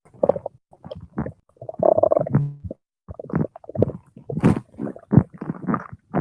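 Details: 17-year-old male, hungry: irregular bubbling, gurgling abdominal rumbles with a few squeaky tones; normal stomach growling (borborygmi).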